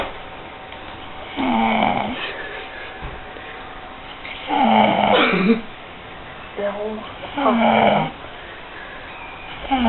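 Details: Baby snoring while asleep: loud, rattling snores with each in-breath, about four in ten seconds, over a low room hum.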